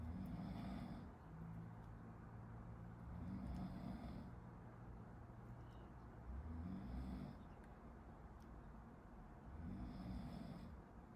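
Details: Person sleeping behind a medical student who is studying, recorded for a study-with-me video: low rumbling snores recurring about every three seconds, roughly 18 a minute, against steady room noise; snoring during sleep.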